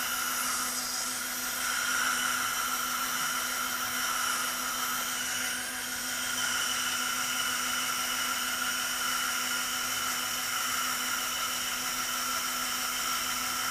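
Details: Dental drill during non-surgical placement of an anterior dental implant: steady high-pitched whine running continuously.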